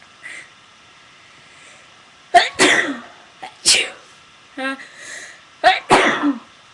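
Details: Three sharp sneezes, each with a quick indrawn breath then an explosive burst, plus a brief voiced sound between them; sneezing recorded on purpose for a sneezing video; sneeze.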